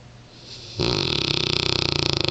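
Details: Mastiff rescue dog snoring in sleep: quiet start, then a loud, rattling, fluttering snore with rapid vibration.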